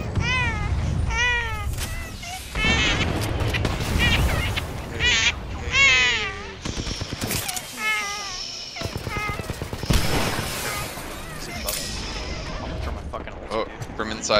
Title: Baby crying in a baby carrier on my chest